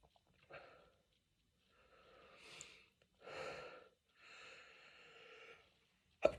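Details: Sneezing with a cold after going through many tissues: breathy, drawn-out build-up sounds ending in a sharp sneeze burst.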